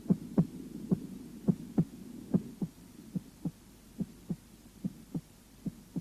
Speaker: в норме у основания сердца второй тон громче первого второй диастолический тон возникает в результате захлопывания и колебаний полулунных клапанов аорты и лёгочной артерии